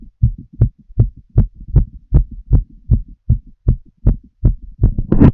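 Regular, fast thumping heartbeat heard through a stethoscope, about 80 beats a minute in paired sounds.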